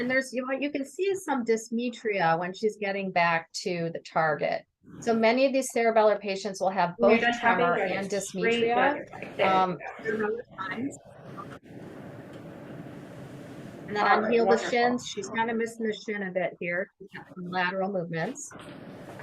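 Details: Adult woman speaking; normal speech.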